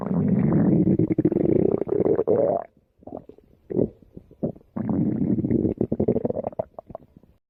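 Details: Stomach rumbling (borborygmi) while a woman exercises: long, low, gurgling rumbles with bubbly crackling pops and brief pauses.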